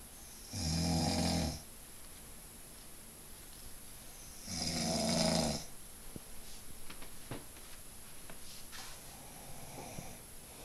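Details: Adult partner snoring in sleep at night, reportedly a nightly habit that once lasted from 11 to 3: two loud, rattling snores about four seconds apart with quiet breathing between; ordinary snoring.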